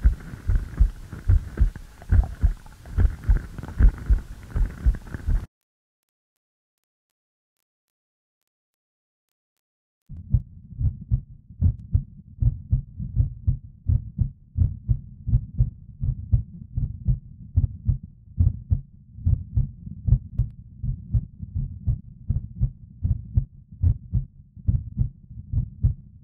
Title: Human Heartbeat visualizer try